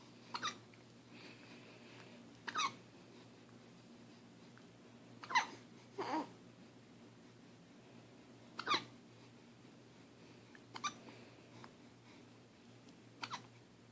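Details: 9-week-old baby hiccuping: brief sharp catching sounds every couple of seconds, about seven in fourteen seconds, over quiet room hum; infant hiccups.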